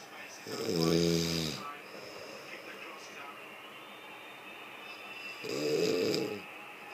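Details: Two loud, buzzing snores on breathing in, about five seconds apart, from a snoring person over steady room noise.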